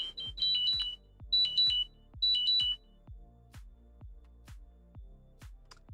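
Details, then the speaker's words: Three bursts of high chirping beeps, then faint ticking: a person's glucose monitor low blood sugar alarm at a reading of 59, about 15 minutes behind; carbs already taken. "Oh, that my friends is the sound of my low blood sugar alarm."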